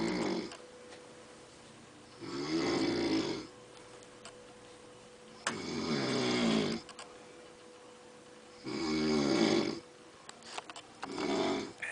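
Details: Woman snoring in San Quintín, Mexico: loud, rattling snores on breaths in, four in about twelve seconds (roughly 20 a minute), with quiet gaps and a steady room hum; snoring.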